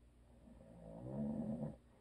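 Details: A single low, rattling snore on an in-breath lasting about a second, then quiet, from a husband who habitually snores; audio only.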